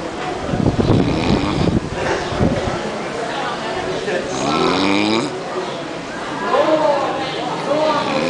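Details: Sleeper in a lobby: loud, rough, rattling snores, a few drawn-out noisy breaths with some voiced groaning; snoring.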